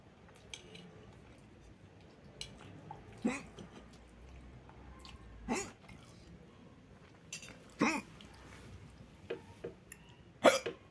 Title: More hiccup